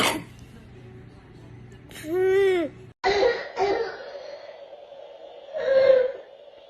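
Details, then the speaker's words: Harsh, hoarse, seal-like barking coughs from a young child, from swelling around the larynx and trachea: classic croup barking cough. "this results in the classic barking cough that you can identify before you even see the [Music]"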